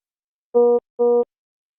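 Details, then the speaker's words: Philips HeartStart XL+ monitor/defibrillator low-priority alarm, shown with a cyan message background, e.g. an SpO2 non-pulsatile message: two short, even mid-pitched beeps signalling a device problem or error condition. "low priority alarms usually indicate a device problem or error condition such as this spo2 non-pulsatile message and they appear in this cyan background and sound like this or this"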